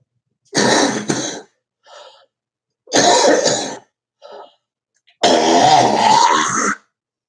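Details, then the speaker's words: An adult with allergies and COPD gives three harsh, rattly cough and throat-clearing bursts with snorting sniffs between, the last ending in a squeaky rise; cough. "Well, anyway, I had a bad booger day today. You can hear me snorting and coughing and shit."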